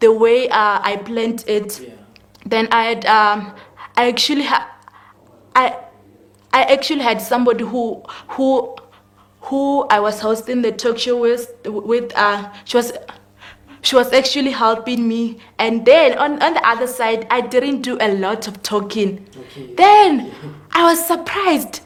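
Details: 19-year-old female grade 12 learner with stuttering; stuttering.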